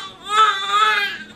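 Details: Two-month-old baby girl waking from a nap: a single short, high-pitched wail; ordinary infant cry.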